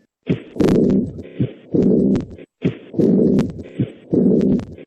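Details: Aortic regurgitation murmur (early diastolic decrescendo).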